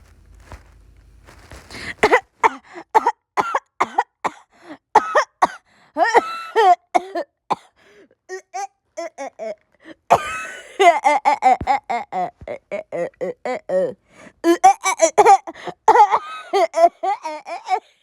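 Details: Repeated short coughs mixed with laughter, gasps and throat clearing, played for laughs.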